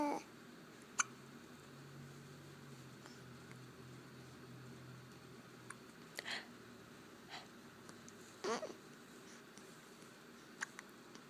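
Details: Several brief, sharp hiccup sounds spaced a few seconds apart in a quiet room from a 6-week-old baby; hiccups.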